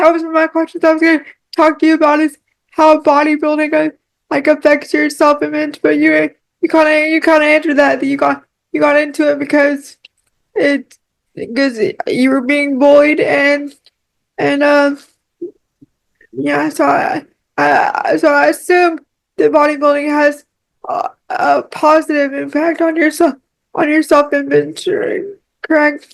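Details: Woman with cerebral palsy who relies on one arm and uses a power wheelchair; dysarthric speech in cerebral palsy.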